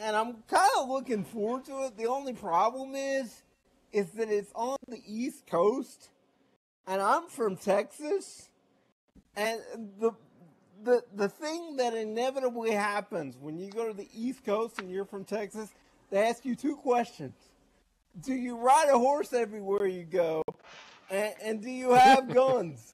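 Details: Adult man with cerebral palsy, also with shaky hands and using a wheelchair; dysarthria (cerebral palsy).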